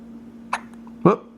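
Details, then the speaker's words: Newborn baby's first hiccups: two brief, abrupt catching sounds about half a second apart over a steady hum; normal finding. "hmm and you got the hiccups"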